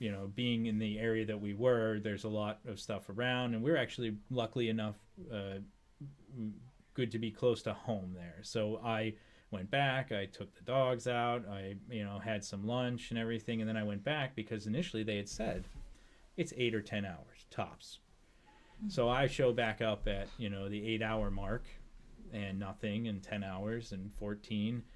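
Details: Adult man speaking; Normal conversational speech.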